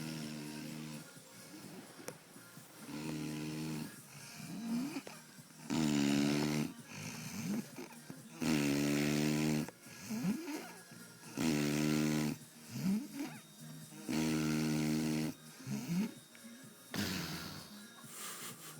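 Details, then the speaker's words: Adult man asleep, out cold the morning after a night out, loud regular vibrating snores on each inspiration, about 6 a minute, softer breathing between; friend says it sounds weird; heavy snoring. "honestly been trying to wake this cunt up so fucking long. It's not stop snoring, man. It's doing it weird as."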